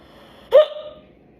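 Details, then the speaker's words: A young woman's single sharp, voiced hiccup with a brief trailing tone, like a yawn combined with a hiccup, during hiccups after chugging soda, in a quiet room. "That was like a yawn combined with a hiccup."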